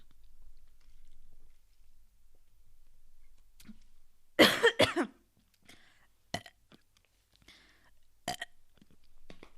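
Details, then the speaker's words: Adult woman podcaster gives one loud, deliberate belch lasting under a second, followed by small clicks and breaths, at the end of an episode. She says she burps constantly when not recording but rarely while recording. Belching (eructation). "And I'm gonna burp one last time because I almost didn't burp at all, and I feel bad about myself because I thought that I was going to be burping every 5 minutes"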